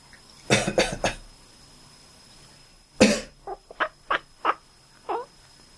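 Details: Adult gives three quick coughs, then a fourth, and a sleeping cat answers with five short squeaky quack-like calls in a quiet room.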